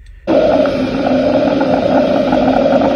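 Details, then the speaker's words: Free flap monitoring with a Doppler: continuous low-frequency whooshing with no pulsing beats, the signal of good flow in a patent vein. "the continuous low frequency whooshing sound made by the vein."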